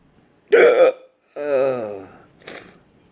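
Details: Persistent intractable hiccups since December 2015, with breathing and choking spasms, cause undiagnosed, every 1-3 seconds, recorded August 2017: two abrupt voiced gulps with a fainter third; hiccups.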